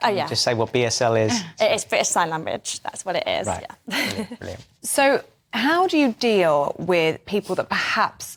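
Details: Adult women in conversation; ordinary speech.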